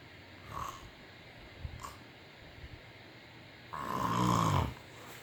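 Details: Male snoring: soft breaths, then one loud, rough, rattling breath in a quiet room; snoring.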